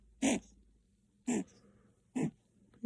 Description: Chihuahua Puppy reverse sneezing from kennel cough.